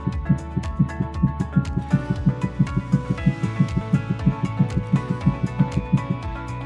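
Steady heartbeat thumps, about 90 beats a minute in paired lub-dub beats, with music playing in the background.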